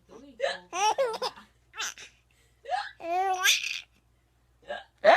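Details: Mother hiccupping while her baby laughs heartily: abrupt, sharp voiced adult catches interrupting bursts of infant laughter; hiccups.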